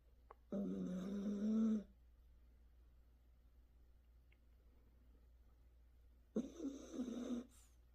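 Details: Two long, loud, rattling snores separated by a quiet pause from a sleeping Dalmatian puppy described as a heavy snorer; snoring.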